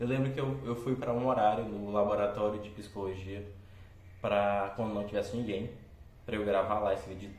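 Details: Stuttering in a 26-year-old man who has stuttered since childhood.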